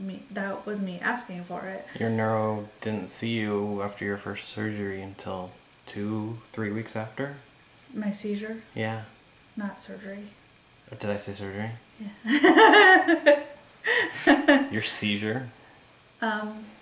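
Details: Adult man, conversation with a woman; normal speech.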